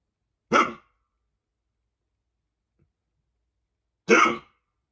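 Two loud, abrupt, bark-like hiccups about three and a half seconds apart, with silence between them.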